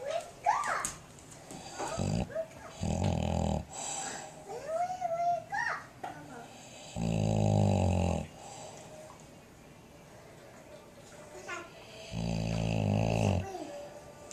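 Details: Boxer dog snoring in a small room: loud rattling snores with long quiet gaps and faint squeaky background noises; dog snoring.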